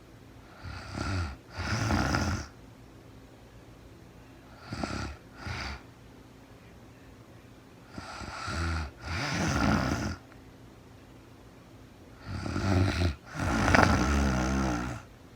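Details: Real-time recording of a sleeping woman, very tired: loud, rattling snores on inhaled breaths separated by quiet exhalations, about 15 breaths a minute, ordinary snoring.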